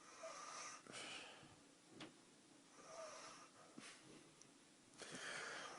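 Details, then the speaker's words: Loud, hissing, rasping breaths in slow cycles from an adult man asleep on a couch at 2 a.m.: harsh breathy snoring in a quiet room. "my cousin has decided to crash on the couch with me the guy snores must be [ __ ] beast just listen to this this is light sounds like Darth fed is"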